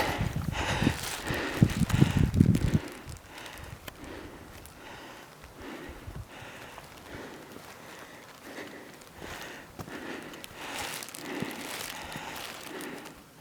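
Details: Person's heavy breathing during the final steps to the 13,078 ft (3,986 m) summit of Whale Peak, Colorado: loud, rapid, effortful breaths with wind and footsteps outdoors; exertional breathing at high altitude.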